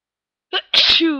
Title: a few more sneezes and blowings